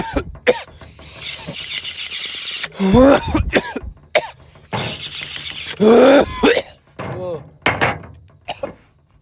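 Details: Adult man coughing after drinking Jack Daniel's whiskey: repeated harsh cough bursts with strained throat-clearing sounds between them.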